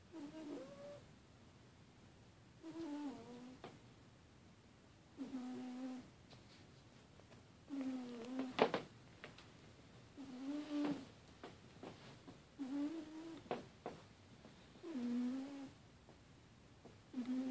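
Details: Sleeping cat that snores a lot, possibly having a nightmare: soft, high, whiny nasal sounds with each breath at about 16 breaths a minute; gentle cat snoring.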